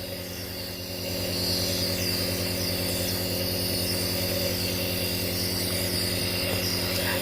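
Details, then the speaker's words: Omron nebulizer compressor running, a steady mechanical hum with fast regular pulsing, delivering 2.5 ml Ventolin by face mask to a child with allergic asthma who has breathlessness. "Kita nyalain alatnya ya teman-teman. Wah, udah mulai keluar asapnya nih."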